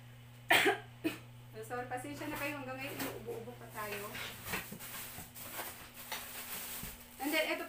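A sharp cough bursts out, then a second brief one, followed by speech and another cough near the end in a small room.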